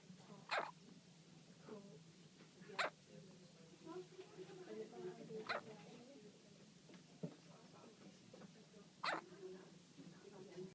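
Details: One-day-old newborn baby with hiccups, likened to a barking dog: four brief, sharp catches about every two to three seconds over quiet room hum.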